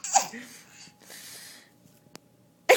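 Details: A sharp sneeze-like burst, then breathy sounds and a boy laughing at the sneezer, with another burst starting at the end; sneezing, filmed on a hidden camera.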